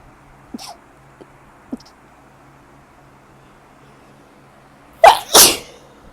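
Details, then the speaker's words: Spring allergies: a few soft catches of breath, then two loud sneezes in quick succession; allergy-related sneezing attack. "Oh my god. I hate springs for this reason. Like, allergies. Really bad."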